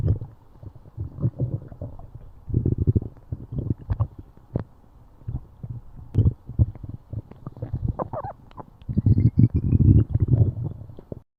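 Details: Low gurgling and rumbling bursts from the abdomen: stomach growling, borborygmi.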